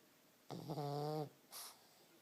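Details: Snoring pug: a single drawn-out, buzzing, low-pitched breath noise followed by a short soft exhale; dog snoring.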